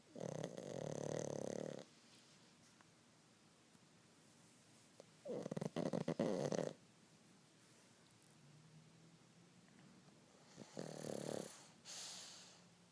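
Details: Snoring on a rainy day: rattling snores in a quiet room, with soft whistling and puffing on the breath out.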